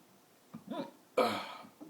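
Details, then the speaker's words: Person hiccuping for about five hours despite trying a spoon, a cup, chugging water and holding their breath: two short, abrupt vocal catches, the second sharp and loud, in a quiet room. "all right I've been hiccuping for about five hours now it's freaking ridiculous I wish it would stop"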